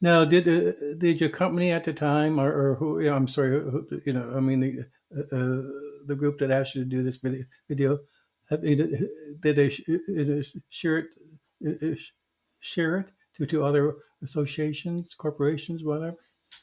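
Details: Stuttering in an adult man who stutters, formerly a covert stutterer for many years; real, not acted.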